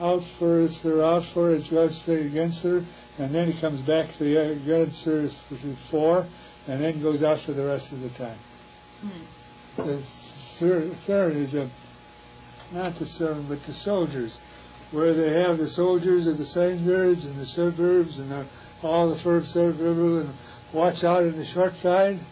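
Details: Patient with receptive (sensory) aphasia producing fluent jargon; Wernicke's aphasia.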